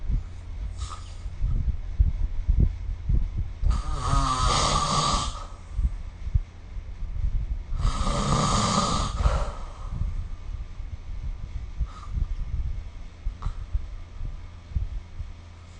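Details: Snoring recorded with the SnoreLab app during sleep: two long, loud rattling snores on inhalation, quieter breathing between, low steady room hum.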